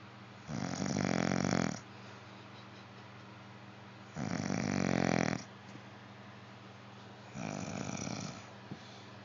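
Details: Man snoring in sleep: three loud, rattling snores on the in-breath, about one every three to four seconds, with quiet gaps between.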